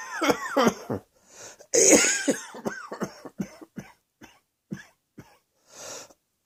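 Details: Run of short, harsh coughs with a throat clear, several quick bursts then spaced single coughs; repeated coughing in a quiet room.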